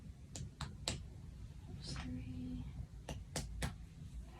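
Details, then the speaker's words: ASMR head-to-toe assessment of an adult woman: lung percussion over the chest at six spots each side in a zigzag, after clear lung sounds. Sharp taps each give a clear resonant note, normal over healthy lung. "So, that sounds nice and resonant. That's exactly what I wanted to hear."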